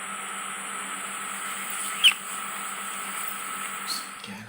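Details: Continuous hiss of an ear suction probe removing wax and dry skin from the ear canal of a male patient with itchy otitis externa, with a brief sharp catch as material is drawn in.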